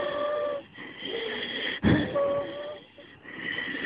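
Breath sounds carry steady musical wheezes, with a long expiratory phase typical of asthma.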